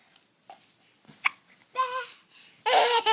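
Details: Laughing infant: a sharp, abrupt hiccup followed by bursts of baby laughter and squeals; hiccups between laughter.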